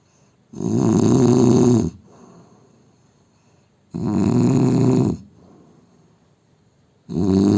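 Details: Adult Indian man snoring: loud, rumbling snores on each in-breath, about 19 a minute, with quieter out-breaths between; heavy snoring.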